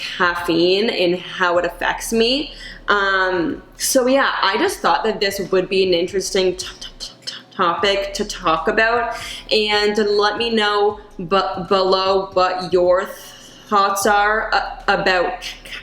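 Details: Adult woman who stutters; she reports that caffeine worsens her stutter and anxiety, and she recently gave up coffee but still drinks tea and decaf; stuttering.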